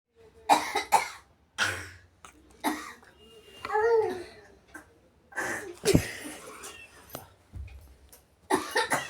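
A child makes a series of short, playful forced coughs, an imitation rather than a cough from illness.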